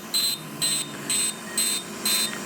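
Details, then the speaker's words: Regular high-pitched beeps, about two a second, from a Core fractional CO2 laser in mid mode treating the lower eyelids with eye shields in, during single-pass facial resurfacing for acne scars and aging. "so let me show you a little bit of the mid mode we're gonna do the lower lids and of course we have eye shields in and"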